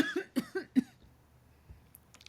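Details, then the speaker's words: Quick run of about five short, partly voiced coughs from an adult who says the cough has lasted about three weeks. "Dude, I've had this cough for like 3 weeks now. It's ridiculous."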